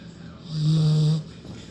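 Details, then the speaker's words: A sleeping puppy snoring: a single loud, low, rattling snore lasting under a second, rising out of quiet breathing. "Hey, stop snoring."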